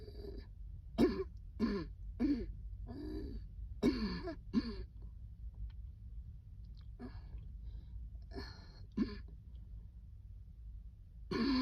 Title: cold air makes a coughing fit